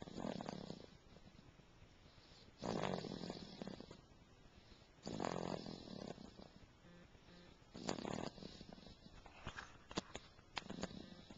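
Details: Sleep snoring recorded April 17, 2009: rough, rumbling breaths repeating about every two and a half seconds, roughly 24 a minute, in a quiet room.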